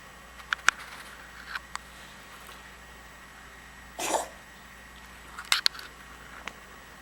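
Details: One short, dry cough from a small pet who is unwell, in a quiet room with a few faint clicks around it.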